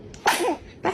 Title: Adorable Baby Sneezes Compilation | Cutest Baby Reactions Ever!